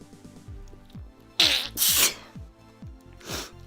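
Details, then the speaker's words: A sharp intake of breath, then two explosive hissy bursts and a softer third, over quiet background music: an adult sneezing repeatedly. "well i'm just now sneezing again"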